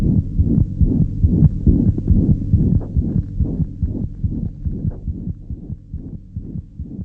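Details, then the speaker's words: Hollow systolic murmur heard on pediatric heart auscultation: regular low heart sounds with a blowing sound filling the gap after each first heart sound. "murmurs can be diastolic or systolic can you hear this hollow systolic murmur"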